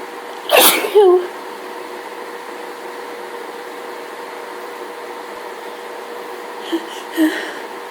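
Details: Person in a full allergy fit from hay fever: a loud double sneeze, then a quieter pair of sneezes in a small room; repeated sneezing.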